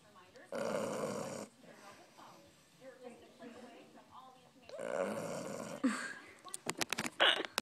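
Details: Two long, rough, rattling breaths about four seconds apart with quieter snuffling between, from a 4-month-old English Bulldog: loud snoring.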